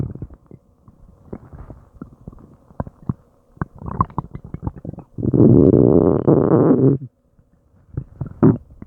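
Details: Active bowel sounds (borborygmi) from an adult's gut struggling to digest an unknown meal: irregular gurgles, pops and clicks, then a sustained loud groaning rumble for about two seconds.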